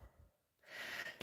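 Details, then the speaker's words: Adult with a really bad cold, speaking: a short noisy breath in with a faint high whistle; mild wheezing. "In the challenge position, sorry if you can hear me wheezing, I've got a really bad cold."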